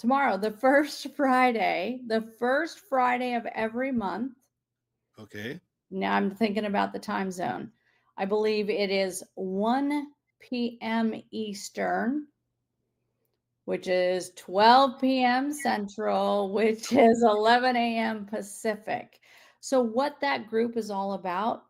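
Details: Adult woman speaking; normal speech.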